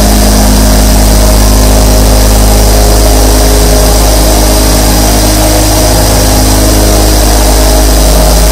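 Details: Twenty-four nebulizers running at once, recorded as a sleep sound: a loud, steady droning hum with a fast mechanical buzz.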